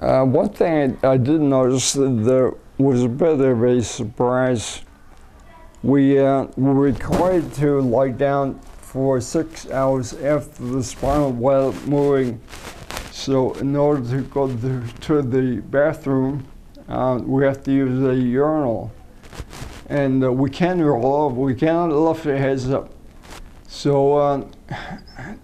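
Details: Adult man with multiple system atrophy, first diagnosed as cerebellar ataxia, recorded during umbilical cord blood stem cell treatment in China in late 2008; sees a speech pathologist; slurred, garbled words; ataxic dysarthria.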